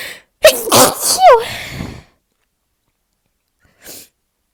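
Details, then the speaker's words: Person announcing each sneeze and still unable to stop sneezing: "Don't sneeze... Achoo!" — one loud, explosive voiced sneeze with a sharp intake and trailing breath, then a brief faint sound; sneezing. "Don't sneeze. Don't sneeze. Achoo! Sneeze."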